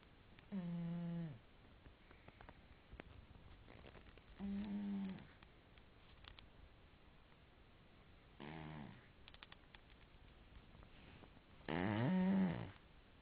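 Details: A sleeping cat named Magnum snoring: four spaced, low droning breath sounds in a quiet room, about one every three to four seconds.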